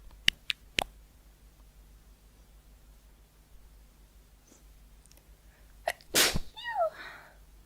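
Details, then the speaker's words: One sudden, forceful allergic sneeze with a short voiced tail, after a few faint clicks and a quiet pause. From a compilation of YouTubers sneezing from allergies. The speaker says "Hold on, I'm going to sneeze. Bless me." "Okay, I just clicked. Hold on. I'm going to sneeze. Bless me."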